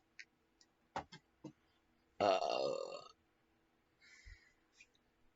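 A long, loud, rumbling burp lasting nearly a second, with a few small clicks and a shorter sound afterward; an ordinary belch.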